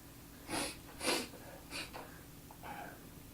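Three or four sharp nasal bursts in a quiet room; snort-like sneezes.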